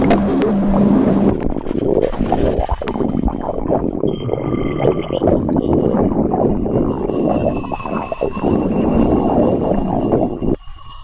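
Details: A person's stomach growling (borborygmi).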